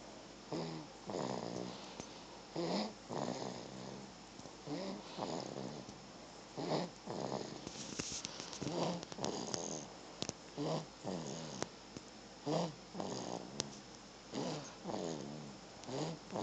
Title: baby snoring